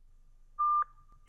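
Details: Electronic tone as a ZOLL Zenix hospital defibrillator/monitor is switched on at the start of the weekly pacer test, on battery with mains power disconnected. Defibrillator power-on tone.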